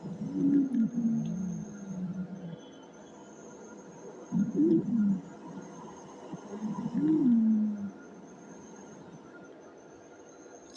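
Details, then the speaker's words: Wheeze, described as an abnormal, monophonic breath sound, pitch sometimes low, sometimes high, on auscultation: low-pitched musical whistling tones recurring with breaths. "Wheezing sound जो होता है वह किस condition में होता है तो मोनोफोनिक एक ऐसा कुछ प्रॉब्लम है इसम कंडीशन में जिजिंग साउंड होता है लेकिन यह एक अब नॉर्मल साउंड है"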